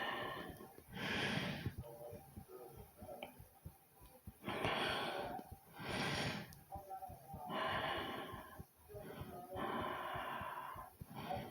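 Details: An adult breathes loudly and effortfully, with rough, noisy inhales and exhales, about five cycles in eleven seconds. It was recorded alongside their heartbeat, without the microphone method.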